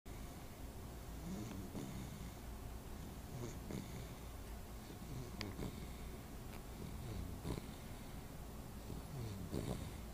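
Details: Low, rumbling, snorting breaths repeating during sleep over steady background noise; snoring.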